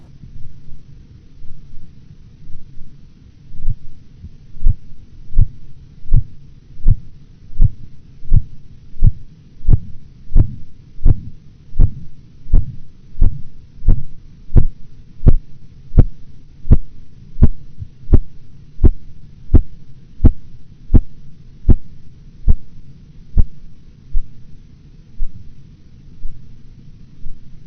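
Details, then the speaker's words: Blood pressure measurement example, 116/90 mmHg: low hum, then regular sharp taps at about 85 a minute beginning at 116 mmHg, persisting through the phases, and disappearing at 90 mmHg; Korotkoff sounds. "You will hear nothing until the first Korotkoff sound appears at 116 millimeters of mercury. The various phases of Korotkoff sounds will be heard until their disappearance at 90 millimeters of"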